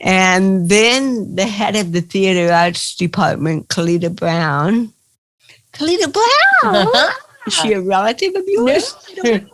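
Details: Adult woman with cerebral palsy, real (not acted), recounting her own life in an interview; dysarthria (cerebral palsy).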